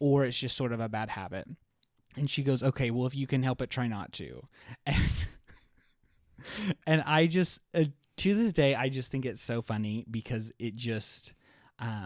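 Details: Stuttering in an adult man who has stuttered his entire life, much worse in childhood and milder now, with blocks and awkward pauses, using "like" as a springboard out of stutters.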